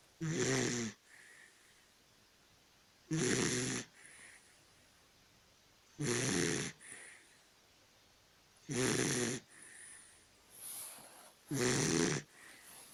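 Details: Dachshund snoring: loud rasping snores on each in-breath, about 21 a minute, with soft whistly out-breaths between them; steady snoring in a small dog.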